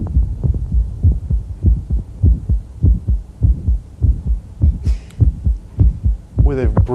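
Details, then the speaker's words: Woman with mitral valve prolapse, heard as she squats and stands: regular heartbeat near 102 a minute; on standing, a click close to the first heart sound and a brief mid-systolic murmur. Brief voice at the end. "so we'll listen to her click as she squats and stands very difficult to appreciate right next to the first hurts am"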